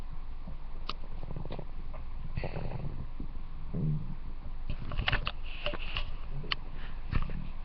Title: Airachnid's stomach growling (Request for @Amandaforbuddies2 )